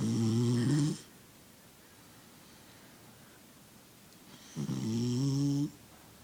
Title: Puppy snoring loud